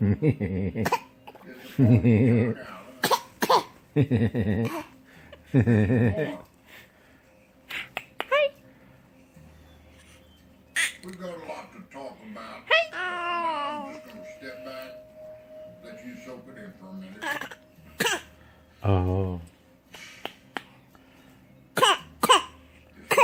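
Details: A baby girl produces short, deliberate cough-like bursts between vocal sounds: a playful voluntary (fake) cough.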